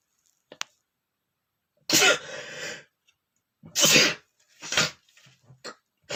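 Three forceful, uncovered sneezes, each a sharp burst of air with a brief breathy tail, in a quiet room.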